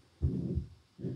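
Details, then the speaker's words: Heart auscultation: low heart sounds with a sustained rushing whoosh after the first sound; a heart murmur, its timing and valve not stated. "Voilà. Ça, c'est un souffle. Attends, bruit de souffle."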